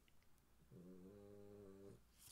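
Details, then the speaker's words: Small dog snoring beside its owner: a single drawn-out, buzzy, tonal snore of about a second over quiet room noise. "j'ai mon petit chien qui ronfle à côté de moi vous l'entendez peut-être"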